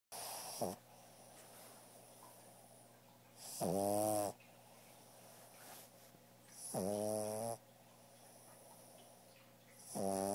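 Loud rattling snores about every three seconds, with quieter breathing between them: snoring in a small flat-faced dog.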